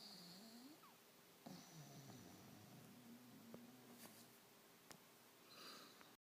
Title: Snoring pup HD